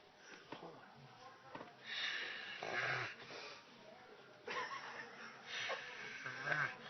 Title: Human Turtle Snoring